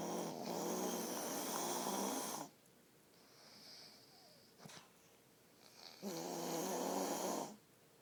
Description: My husband snores and it's super annoying.